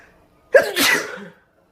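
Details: A deliberately self-induced sneeze: a sharp intake, then one forceful explosive burst of air that trails off.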